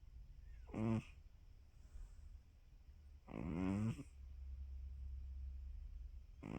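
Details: Snoring during a nap: low, buzzing snores with each breath, about three seconds apart, over a steady room hum; ordinary sleep snoring.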